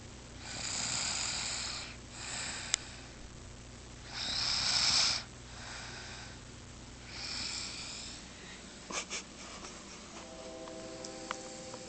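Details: Person snoring in a dorm room: soft, hissing, airy snores about every three seconds, with a faint tone in the room near the end; light snoring.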